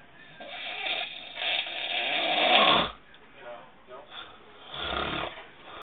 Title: SNORING LOUDLY